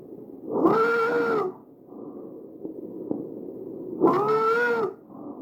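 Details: A real patient's tracheal stridor recorded with an AccurSound electronic stethoscope.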